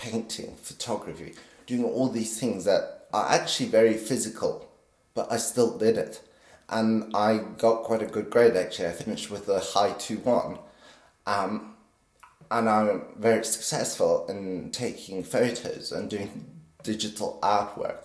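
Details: 50-year-old man with essential tremor since birth, very pronounced in his voice; deep brain stimulation at age 24 helps stabilize it but is not a cure; essential voice tremor.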